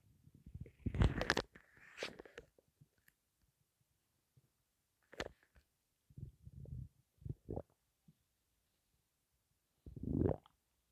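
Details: Stomach rumbling while breathing in and out; the stomach holds only gas and air and the owner suspects hunger. Scattered low gurgles and bubbling rumbles with quiet gaps.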